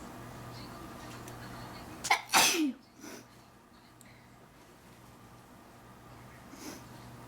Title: Induced Sneezing #1